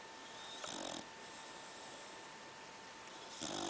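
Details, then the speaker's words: Pit bull dog sleeping with two rough, buzzing snores about three seconds apart over steady room hum; snoring. "Sissy, you're snoring."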